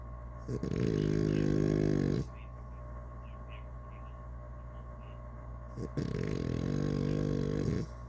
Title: snoring